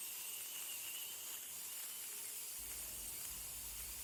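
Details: Dental scaler in use during professional teeth cleaning after braces removal to clear leftover bracket glue: steady high-pitched hiss and whine with water spray throughout; patient reports teeth became sensitive and it was unpleasant but not painful.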